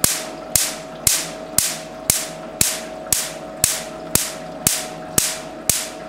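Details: Q-switched Nd:YAG laser used for tattoo removal: sharp, regular snapping pops at about one per second; laser pulses.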